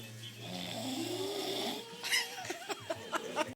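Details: Snoring while sleepy: a long, rough, rattling in-breath followed by a series of short snorts, typical of snoring.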